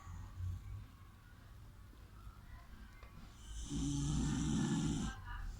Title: Don't disturb me,,I'm sleeping,snoring dog🙂#dog